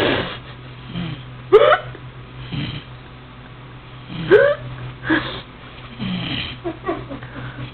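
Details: Man: brief, sharp voiced catches recurring every few seconds between breaths, over a low room hum and music: hiccups.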